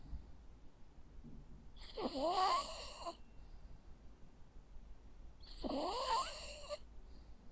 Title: Sounds of a Jack Russell dog snoring. Cute sleeping and snoring sounds.